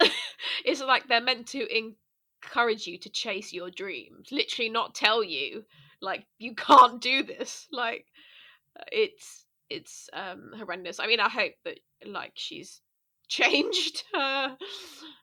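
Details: Stammering in a podcast host who has a stammer.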